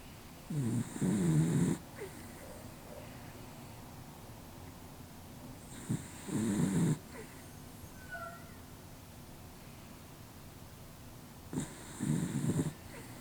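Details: Three soft, rattling snores on in-breaths, roughly every five seconds, with quiet pauses between, during sleep; recorded with a Canon R7 camera and a Rode VideoMic GO II microphone; snoring.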